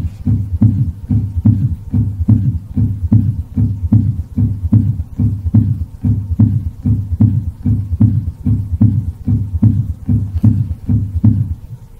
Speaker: but in older adults is commonly associated with systolic heart failure or even diastolic heart failure and it suggests elevated filling pressures on the left side of a heart this is the sound of an s3 gallop